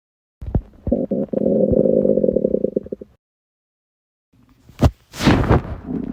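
Loud gurgling, rumbling stomach noises with bubbly runs and a pause; prolonged bowel sounds from an empty stomach after fasting.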